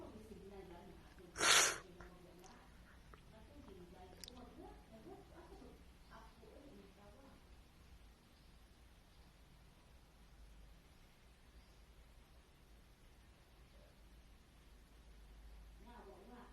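One brief, sharp sneeze over steady background hiss and faint talk, then quiet.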